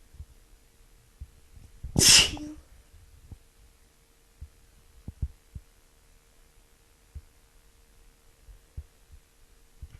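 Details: Woman sick with a cold: one sharp, explosive sneeze in a quiet room, followed by soft clicks and breathing noise.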